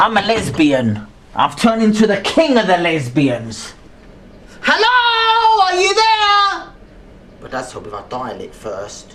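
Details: Vocal tics with obscene utterances in an adult man with severe Tourette syndrome diagnosed at age 13, with involuntary vocal outbursts during a phone call.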